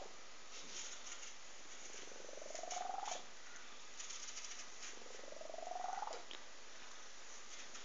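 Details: A sleeping cat snores softly, with a rising, whistly squeak on each breath in, about 20 breaths a minute: cat snoring.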